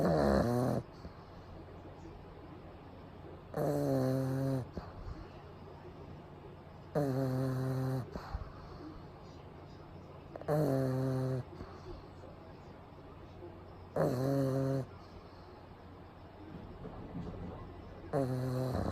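Loud, buzzy snores on each breath, about 17 a minute, with quieter breathing between, over steady room hum.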